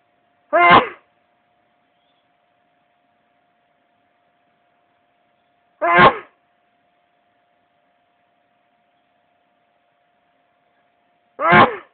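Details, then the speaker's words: Morning sneezing in a person feeling very sneezy, followed by honking nose blowing: three separate loud, sharp, explosive sneezes about five seconds apart with quiet between them. "um, and I feel sneezy today. So sneezy."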